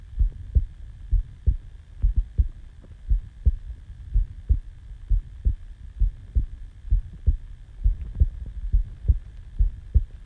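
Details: Self-recorded heartbeat just after waking from sleep: steady low thumping at about 66 beats a minute with a faint steady hum; normal heartbeat.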